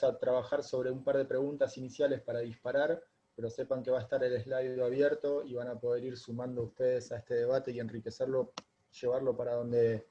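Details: Adult male speaker; normal speech.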